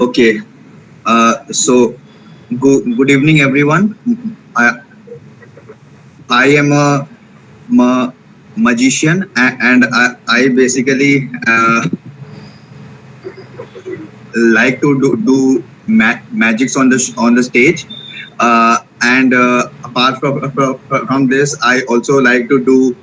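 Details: Male participant in an online session for people who stammer, introducing himself; stuttering.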